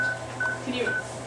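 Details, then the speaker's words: Dog under anesthesia breathing through the anesthesia machine: steady high-pitched anesthesia monitor beeps, one per heartbeat, about 140 a minute, alongside ECG and blood oxygen monitoring. "And the wires tell us that the heart's beating. You can hear the little beep, beep, beep. And this is its anesthesia monitor"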